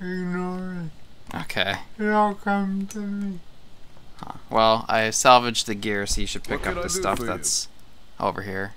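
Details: Adult speaker; speech.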